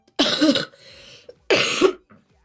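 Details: Girl with a cold and sore throat; two separate harsh coughs with a faint breath between them, a plain dry-sounding cough.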